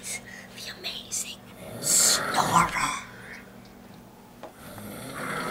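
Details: A father snoring while asleep, recorded on a secret camera, with loud, rough snoring bursts and whispering voices and room noise in the background.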